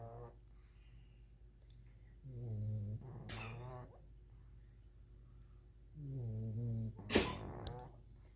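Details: Two dogs snoring loudly at nap time: low, vibrating snores on each inhale, each followed by a rougher, snorting breath out.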